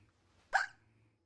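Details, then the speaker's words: Female streamer hiccuping during a live stream, with frequent hiccups that day; a single sharp, brief hiccup over a faint background hum; hiccup. "At this rate, I don't know why I have hiccups today."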